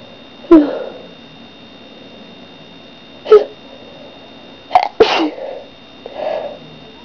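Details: Several sharp, explosive sneezes in quick succession, a couple closely paired, then a short sniff; person reports sneezing a lot lately without knowing why.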